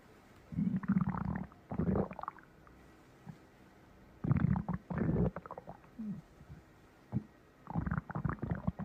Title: 1 Minutes Of My Stomach Growl #65